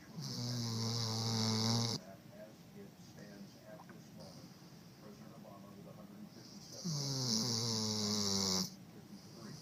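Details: Sleeping dog: two long, loud, vibrating snores with a whistling edge, separated by quiet breathing: snoring.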